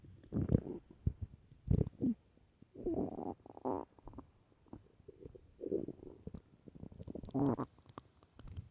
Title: early morning stomach growls (headphones)